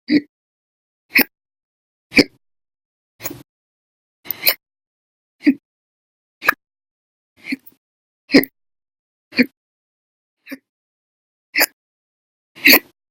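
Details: Persistent hiccups logged November 2019, some episodes lasting hours: sharp, abrupt hiccups repeating about once a second, roughly 12 in a row, audio only.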